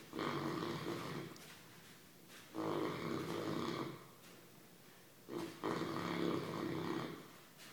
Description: English Mastiff running and snoring as he sleeps.